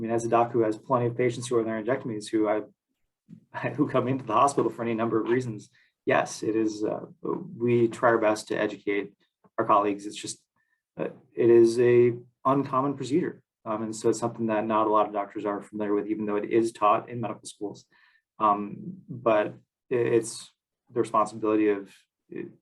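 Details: Adult man speaking; normal voice.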